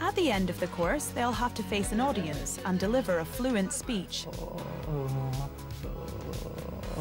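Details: Adult male narrator; typical speech.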